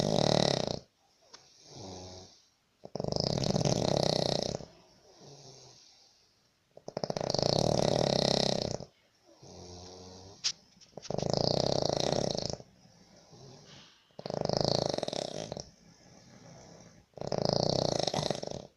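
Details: Loud, harsh snoring on each in-breath, about six in under twenty seconds, with quieter out-breaths, from a Sri Lankan person sleeping in a shared labour-camp room in Baniyas, Abu Dhabi, disturbing roommates; heavy snoring.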